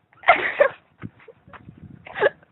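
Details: A dog hiccuping: short, abrupt, jerky sounds with a catch in the throat, spaced apart.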